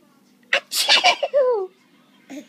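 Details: Young child playfully imitating a sneeze: a sharp intake, a noisy burst, then a falling vocal tail.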